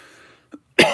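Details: Adult cough from a speaker who says he feels lethargic, low on energy and unwell, and still has the cough. Persistent post-COVID cough.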